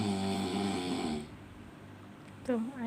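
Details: A father sleeping near a babbling baby gives a loud, rough, droning snore, followed by the baby's babbling voice; snoring.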